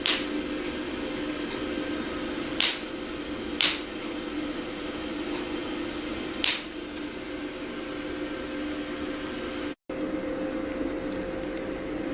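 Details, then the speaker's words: Steady machine hum with a few sharp, separate snaps as a mini pico laser tattoo-removal handpiece fires, triggered by a foot switch: pico laser handpiece firing. "And then press the foot switch, then the treatment can be started."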